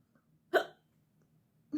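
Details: Woman trying to go to bed at night with hiccups: one sharp, abrupt voiced gulp, with a second starting at the end.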